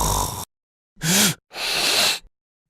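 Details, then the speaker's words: Simulated obstructive sleep apnea, with the airway completely blocked so breathing stops: harsh snore-like bursts from soft palate vibration, broken by silent pauses and a snorting gasp as the sleeper briefly rouses to breathe. "This vibration is the source of the noise we hear when someone is snoring. Sleep apnea happens when the airway is completely obstructed, no air can go through, and the person stops breathing."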